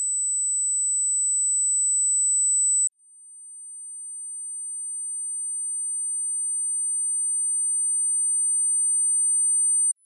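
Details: Steady very high-pitched pure sine tone stepping up to a slightly higher tone after about three seconds, from a 200–14000 Hz tinnitus frequency-matching test; tinnitus pitch-matching tones.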